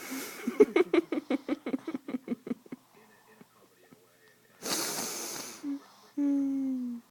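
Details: A dog snoring: a quick run of fluttering, snorting pulses, then a breathy huff and a drawn-out whine-like tone; noisy sleep breathing.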